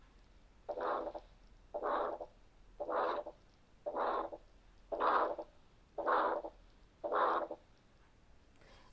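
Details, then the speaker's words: Ejection systolic murmur (gap between S1 and murmur onset), harsh diamond-shaped, regular at about 57 beats a minute; due to aortic or pulmonary stenosis depending on auscultation site; recorded teaching example. "الميرمر اللي نسمعه ejection systolic ده يا اما aortic stenosis يا اما pulmonary stenosis، وده بيختلف في المكان اللي انا بسمع فيه."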